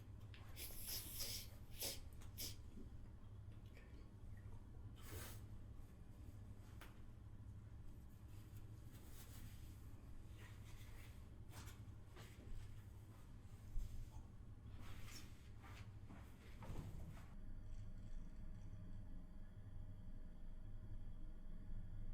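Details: Several short, sharp sneezes from an adult woman over a steady low room hum.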